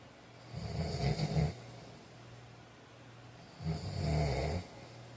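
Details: Deep, low, fluttering snores on each breath, two in about five seconds, with a quiet pause between: snoring during sleep.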